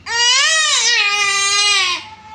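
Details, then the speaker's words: Young girl crying on request, fake crying: one sustained, high-pitched wailing cry, acted rather than genuine distress. "तर आज तुम्हाला रडून दाखवते तर तिचं बघा खोटं खोटं रडू कसं आहे"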